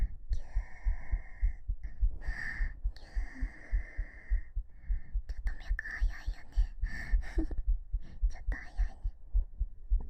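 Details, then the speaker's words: Steady low heart thumps picked up on the chest with a binaural (3Dio) microphone, about 105 per minute, described as slightly fast, with soft whispering over them; heartbeat. "心臓どこ？あった。聞こえるかな？やっぱちょっと早いかな。心臓入りました。"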